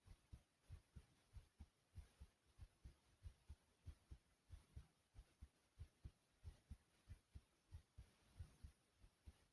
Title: Pounding Heart Sounds